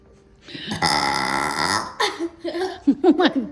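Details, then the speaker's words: Woman burping: one long, loud, resonant belch, followed by short voiced sounds and a laugh. "Now, if you could burp and fart at the same time, you're going to be something else."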